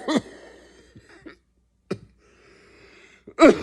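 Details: Adult gives three short, sharp coughs separated by pauses with faint room noise; listeners are asked whether the cough sounds fake; cough.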